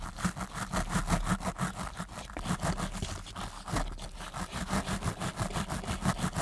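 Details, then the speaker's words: Simulated ASMR dental visit, soft-spoken, with layered sound effects: a steady low buzz with rapid pulsing strokes as an electric-sounding toothbrush with toothpaste brushes along the front teeth during a cleaning. "Just going to go ahead and apply some just right onto the toothbrush here. Good. And then I'm just going to start brushing all along the front of your teeth."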